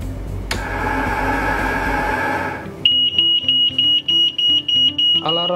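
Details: Rapid, regular high-pitched beeping after a burst of noise from a COVENT-20 transport ventilator: its low-pressure alarm sounding because the breathing circuit is open.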